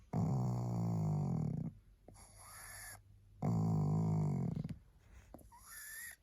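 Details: Loud, rough snoring breaths, about 20 a minute, with a whistling sound on the out-breath, from a tired, sleepy female pug, a flat-faced dog.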